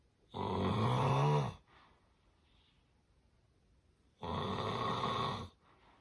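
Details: Severe obstructive sleep apnea snoring: two loud, harsh rattling snores about four seconds apart with quiet between.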